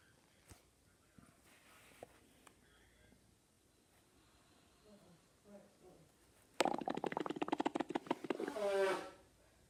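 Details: Stomach growling (borborygmi).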